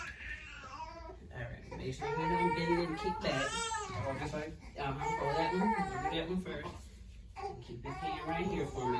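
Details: Loud, rhythmic crying in bursts from a newborn boy after his first vaccination injection in one leg, before the other leg; an adult's soothing voice in between and soft music behind.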